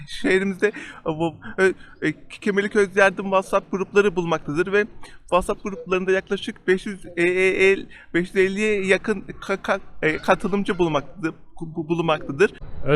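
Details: Member of a stutterers' association speaking in Turkish; whether this speaker stutters is not stated; stuttering.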